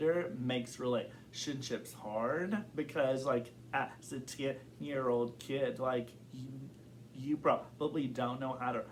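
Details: Adult man who has stuttered since kindergarten, reporting blocks and varying severity. Stuttering.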